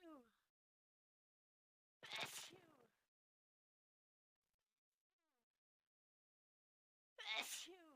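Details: From a compilation of 25 different sneeze types in 54 seconds: two sharp sneeze bursts with voiced release, separated by silence; ordinary sneezing.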